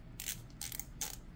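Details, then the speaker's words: Three soft ratcheting clicks as a V2 injector pen preloaded with retatrutide is dialed up to 30 units for priming, no needle attached; each click is one unit. "I'm just going to move this up to uh 30."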